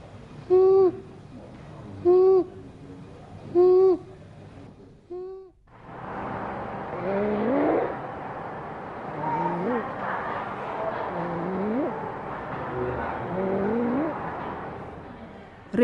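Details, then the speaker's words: Child with inspiratory stridor: repeated harsh, hooting, crowing sounds on each breath in, best heard with the ear placed close to the child's mouth. "en stricte d'or est un bruit rauque qui se produit lorsque l'enfant inspire il fait ce bruit"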